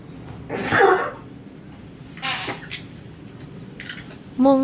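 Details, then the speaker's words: A pet pug dog coughs suddenly during an unboxing, owner says he choked: a few harsh, noisy coughing bursts in a quiet room. "ketika sedang membuat video Unboxing tiba-tiba datang si gugup batuk-batuk dan kentut"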